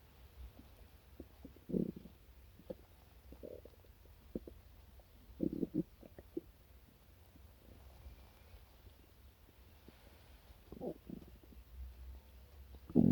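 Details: Stomach growling after a breakfast of chocolate milk (growling happens after sweet foods): scattered gurgles and low rumbles from the gut over a quiet background; borborygmi.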